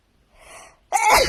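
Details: Another sneeze: a soft indrawn breath, then one sharp, explosive burst of air.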